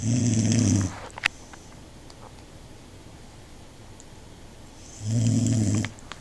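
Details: Snoring during sleep; two loud, low, rattling snores about four seconds apart, separated by quiet breathing.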